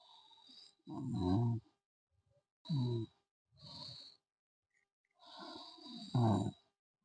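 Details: Loud, low, rough rattling snores in separate bursts with silent gaps, from a sleeping student in a hostel; faint music in the background; snoring.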